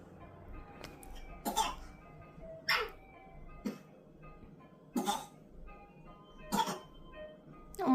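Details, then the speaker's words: A baby about 209 days old gives five short, deliberate, well-spaced coughs with music in the background; the coughing starts when mom steps away and stops once he is picked up: a voluntary (fake) cough. "엄마가 엄마 할 일만하니까 기침하는 척하지. 엄마 보면서 엄마가 다가가면 기침이 뚝 멈추고 그지?"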